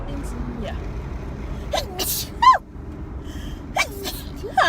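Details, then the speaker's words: Forceful sneeze with a sharp intake before it, made while driving during allergy season, then brief voice sounds over car noise. "hate sneezing when I'm driving. I just like get so scared."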